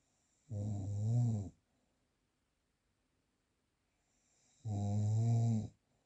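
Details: Two low, rumbling, vibrating snores about four seconds apart, each about a second long, with near silence between; real, unprocessed recording of ordinary adult snoring.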